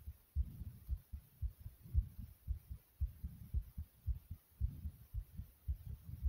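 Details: Heart thumping from the chest after jumping jacks: a strong, fast, forceful heartbeat at about 110 a minute, with softer breathing sounds between beats.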